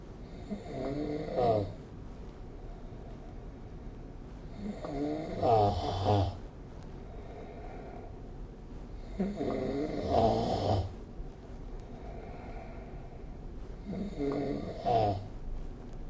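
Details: Snoring recorded with the SnoreLab app: four loud rumbling snores at about 15 breaths a minute, each on the in-breath, with quiet pauses between.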